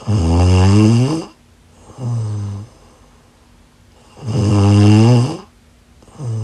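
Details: Loud, low, rumbling inspiratory snores with quiet pauses between, about two breaths in six seconds; ordinary snoring.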